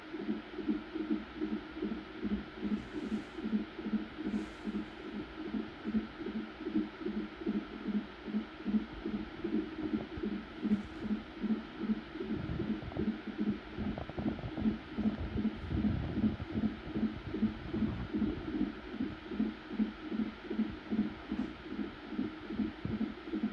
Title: How fetal heartbeat sounds like